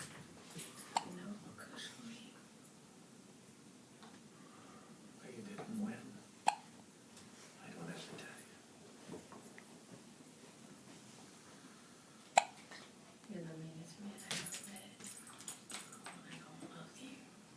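Three sharp, brief hiccup sounds at irregular intervals over quiet room noise and soft voices.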